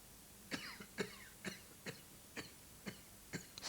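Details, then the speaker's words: A rapid series of about seven forceful, harsh coughs from an adult man with an irritated throat, acted for a 1990s UK television advert; strong cough. "Strong coughs demand effective remedies like fast acting meltus."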